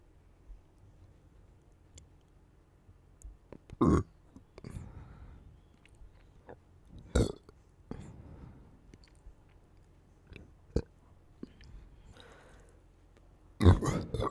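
Several deep, low, rumbling belches spaced through a quiet stretch, with faint mouth sounds between them: repeated burping.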